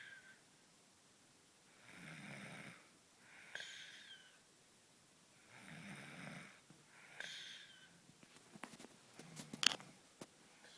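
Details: Person who does not usually snore, snoring softly on both inhalation and exhalation, about 15 breaths a minute, in a quiet room.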